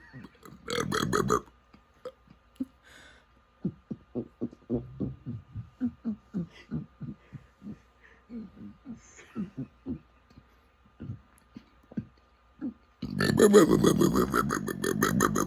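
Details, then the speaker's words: Burping by the Guinness world record holder for most burps in 60 seconds: a rapid run of short, deep belches, several a second, with louder belching and laughter at the start and end. "this is the Guinness World Record burp in 60 seconds"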